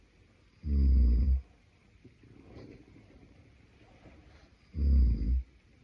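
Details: Adult man (boyfriend) asleep, giving two deep, vibrating inspiratory snores about four seconds apart, with soft breathing between.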